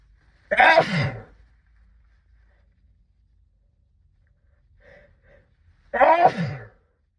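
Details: Sneezes muffled into a sleeve during a sixteen-minute sneezing fit brought on by cold weather: two loud, muffled sneezes several seconds apart with panting and quiet between.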